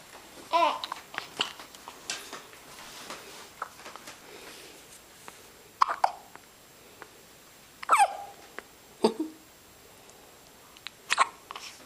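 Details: Baby with big eyes: brief, sharp catches in the breathing, repeating irregularly among soft babbling sounds, about five in twelve seconds; hiccups.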